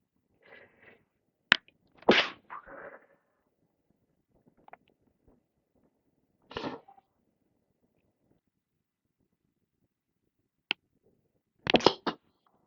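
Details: Sneezes from a person with a cold that is mostly in the chest with a dry cough, recorded throughout the day: several short, half-stifled sneezes scattered through the clip with quiet breaths between them.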